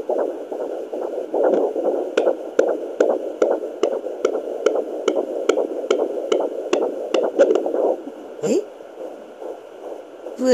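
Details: Rapid, regular whooshing fetal heartbeat on Doppler at 17 weeks of pregnancy, about 145 a minute, with a brief movement noise near the end.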